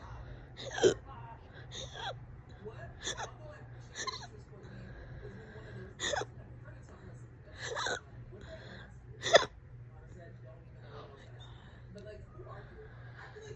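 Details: Sharp, loud hiccups every one to two seconds against low room hum. The person has had the hiccups for about 30 minutes, on and off all day.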